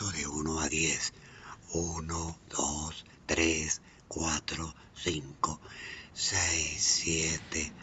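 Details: Patient with unilateral vocal fold paralysis counting after the first voice therapy session, still dysphonic and hoarse but with some improvement over the initial evaluation; dysphonia from unilateral vocal fold paralysis.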